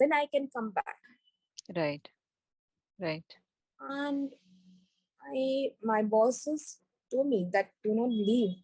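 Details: Woman with global aphasia after a stroke during an Everest base camp trek about four years earlier, initially unable to speak, read, write or spell; recovering after speech therapy; global aphasia after stroke (recovering).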